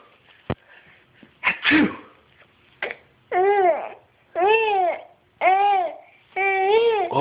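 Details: Baby laughing at sneezes: a short explosive sneeze burst followed by a run of four bright, rhythmic infant laughs in a quiet room.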